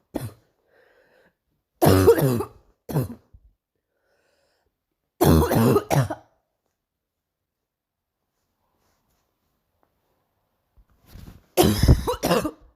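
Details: Morning cough: about five separate harsh cough bursts with quiet pauses between.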